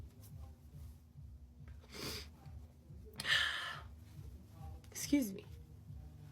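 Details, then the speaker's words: A run of sneezes recorded in a basement, tagged as allergies and counted as six in total: three sharp, noisy bursts a second or two apart over a low room hum. "oh no I have to sneeze he's going to"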